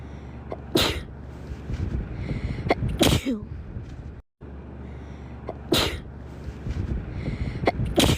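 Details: Sharp explosive sneezes from a girl, repeated across a looped edit with a brief cut of silence between segments.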